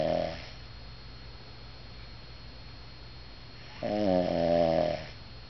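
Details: Female snoring: drawn-out, buzzing snore on the in-breath with quiet room hiss between breaths; ordinary snoring.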